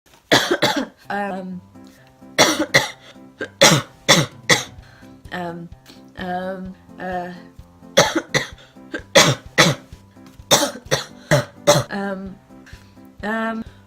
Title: The coughs you didn't see (and the erms)